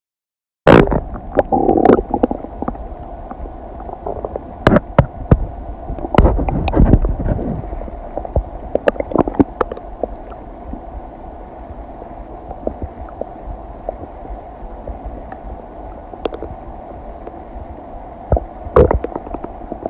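Irregular gurgles, clicks and low rumbles from the abdomen: ordinary bowel sounds of digestion.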